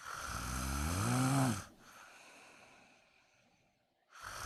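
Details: Woman snoring during a daytime nap, wondering whether she needs a CPAP mask: a loud, low, vibrating snore on the in-breath, a quiet out-breath, then the next snore starting; snoring.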